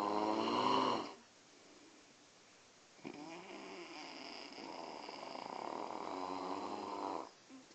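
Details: A father and his baby son snoozing: a short snore, a pause, then a long drawn-out rattling snore; ordinary snoring during sleep.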